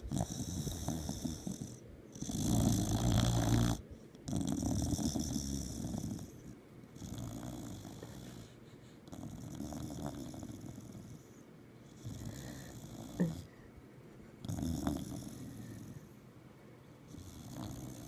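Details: Snoring: rough, rattling snores in repeated breath cycles, about 8 a minute, with a low fluttering on each inhalation.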